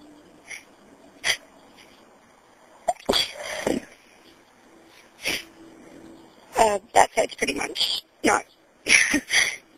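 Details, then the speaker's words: Induced sneezes from a person feeling sneezy and possibly getting a cold, phone-recorded: several sharp explosive bursts after quiet breaths, in a series toward the end. "a little bit sney today I really don't know what's going on um so I'm going to try ining and see if I can get anything okay okay so it's working pretty good luck for my first try"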